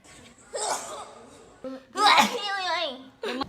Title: sneezing completion 😝